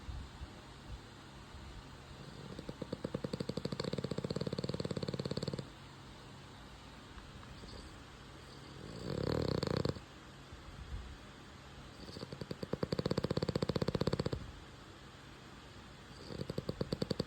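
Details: French bulldog puppy sleeping: four long, fluttering, rattly snores about every four seconds, roughly 15 breaths a minute, with quiet pauses between; snoring.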